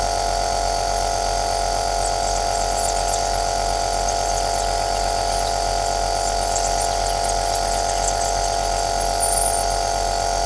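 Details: Aerosol nebulizer compressor running, recorded as white noise for sleep: steady, continuous motor hum with hissing airflow, unchanging throughout.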